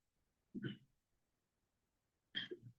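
Two brief throat-clearing coughs from an adult, separated by quiet, in a still room.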